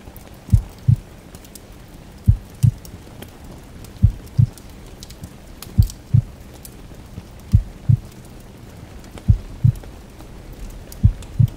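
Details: Relaxation ambience recording: slow regular paired heartbeat thumps, about 34 per minute, under heavy rain hiss and crackling fireplace.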